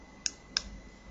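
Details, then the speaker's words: Two sharp, light clicks of the button on a Clinical Guard 300D fingertip pulse oximeter, pressed with the finger fully inserted to switch it on; pulse oximeter button click. "Just get all the way in, and then hit the button."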